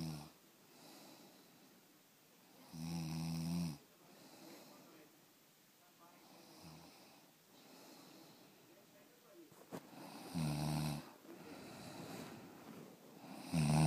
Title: Snoring beauty